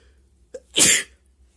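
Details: Hay fever sneeze deliberately induced with paper in the nostril, in a person whose nose had been itchy all day: a short catch of breath, then one sharp, explosive, hissing sneeze.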